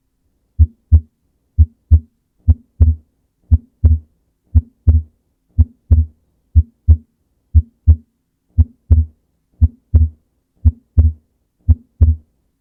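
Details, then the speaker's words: Physiological splitting of S2: steady lub-dub heart sounds at about 58 beats a minute, the second sound splitting in two on inspiration. "during expiration the pulmonary valve closes closer to the aortic valve and in some instances it's so close that it's heard as a singular S2 sound let's now have a listen to how physiological splitting would sound"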